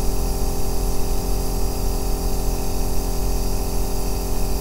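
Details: Aerosol nebulizer recorded as a 2-hour ASMR sleep sound: an even, deep mechanical hum with a light airy hiss throughout from the running compressor.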